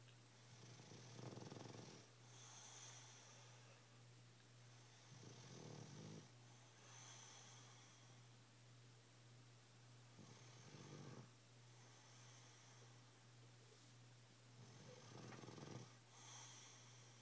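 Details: Sleeping, dreaming bulldog: soft, rasping snores about every five seconds over a steady low electrical hum; snoring.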